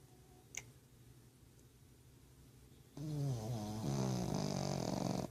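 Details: Pug snoring loudly in sleep: after a quiet pause, a long rattling, snorting snore on the in-breath.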